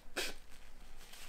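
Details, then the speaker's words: Sneeze from an adult vlogger who says she can't stop sneezing and her voice is affected. A single brief, sharp sneeze with a hissing release, then quiet room noise. "Toute façon, vous entendez la voix, j'arrête pas d'éternuer et tout ça."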